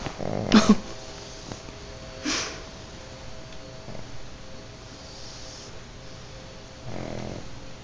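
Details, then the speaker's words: Sleeping pugs in bed snoring: snorting snores with a few loud noisy breaths between quieter stretches, typical flat-faced dog snoring. "Who snores louder? I think it's Bean."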